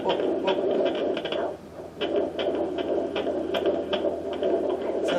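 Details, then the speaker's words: A fetal heartbeat at 14 weeks of pregnancy, heard at home through a handheld fetal Doppler on the belly with gel: rapid, rhythmic whooshing pulses at about 150-160 a minute, faster than the mother's heartbeat. "baby's heartbeat and you can tell um you can tell if you've gotten um baby's heartbeat versus yours cuz it's a lot faster"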